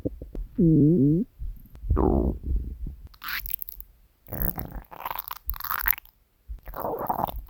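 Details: Hunger stomach growling from a compilation of three years of recordings: a long tonal growl followed by bubbling gurgles and rumbles; borborygmi.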